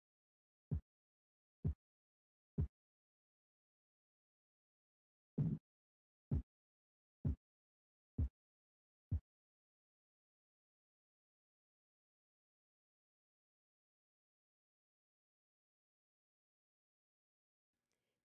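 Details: Korotkoff sounds heard during blood pressure measurement at the brachial artery.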